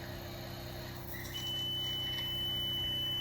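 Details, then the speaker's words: Tracheostomy suctioning at the bedside in a ventilated patient, ventilator briefly detached: steady mechanical hum with rapid ventilator-style pulsing, then a sustained high whistle as suction engages. "So that is suctioning. Just going to turn it off for a minute, but that is suctioning in the trachea."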